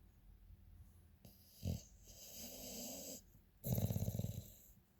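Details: A sleeping dog snoring: a snort, then a soft droning breath and a rattling, fluttering snore; ordinary harmless snoring.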